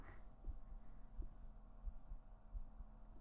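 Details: Faint, soft heartbeat at about 88 beats a minute under a steady low hum, from a woman's ear-cleaning ASMR stream; heartbeat is very quiet.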